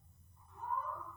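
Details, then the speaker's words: Pug with laryngeal collapse, from soft cartilages and excessive inspiratory pressure: high-pitched inspiratory stridor. "it's this noise it's a high-pitched noise this is the Pud"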